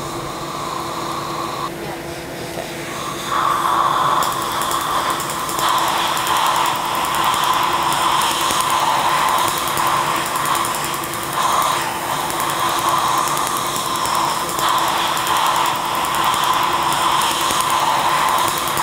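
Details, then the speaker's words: Steady blowing of a Zimmer cold-air cooler with fast regular laser pulse ticking, about four a second, during tattoo removal after topical lidocaine, following a single test pulse. "and then like I said you're gonna feel one little zap and then I'm just gonna keep going okay"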